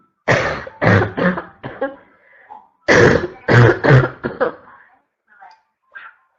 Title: constant barking cough 2 (f)